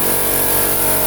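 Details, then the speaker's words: Suction machine switched on and tested before demonstrating infant oral and nasotracheal suctioning: loud steady motor hum and roar of the running suction machine. "now I'm gonna make sure my suction machine is working properly by putting it on and testing it out before I actually start the procedure"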